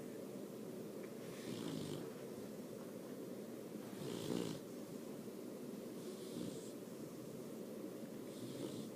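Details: Puppy: soft, steady low rumbling breathing with faint snuffly snores every few seconds, partly buried in background hum; snoring.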